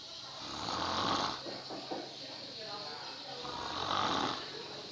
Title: SUARA NGOROK DARI PULAU HANTU